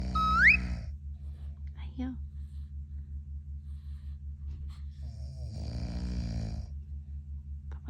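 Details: Steady low rattling snoring with a louder snorting burst from a father, briefly over a rising whistle and soft newborn noises nearby; adult snoring.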